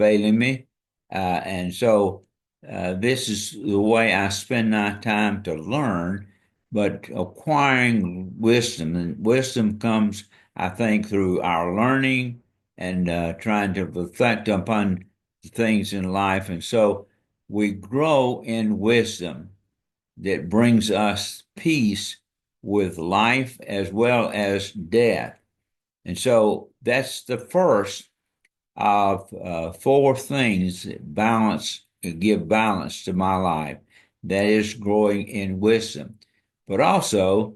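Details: Dysarthria in an adult man with ALS diagnosed February 2024, after earlier diagnoses of Parkinsonism, Parkinson's disease, spastic paraplegia and primary lateral sclerosis; his ability to speak is failing.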